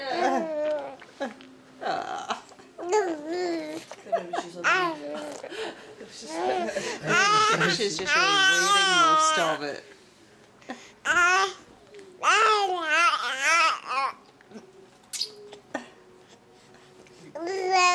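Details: Baby girl messily eating banana fusses and whines in rising and falling cries, mixed with babbling and brief laughter over soft music; caregiver suggests she is full, and a banana sneeze is mentioned.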